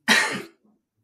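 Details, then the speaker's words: Older man recovering from a week-long chest illness with fever, treated with steroid injection, cough syrup and antibiotics: one harsh, loud, rough residual cough as the lungs clear mucus, then a short quiet tail. "I'll still have that residual cough like you said because it's just got to get that lung butter out of the lungs"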